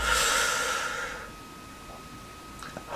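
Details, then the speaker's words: Adult man with bronchiectasis caused by follicular lymphoma, with phlegm at the bottom of the lungs, doing an active cycle of breathing huff: a deep slow breath in, then a forceful open-mouthed exhalation as if steaming a mirror. "I have to do something called a half coffee cycle which is a basic stranger I take a deep slow breath in and then I offer like I'm blowing on a mirror to steam a mirror up so it"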